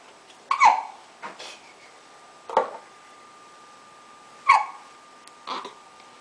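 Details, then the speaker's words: Brief, abrupt little catches of breath every second or two, each a sharp hiccup with a soft follow-through, from a little one having a sponge bath; ordinary hiccups. "foreign having a little sponge bath quick little one little hiccups I think he actually likes it now"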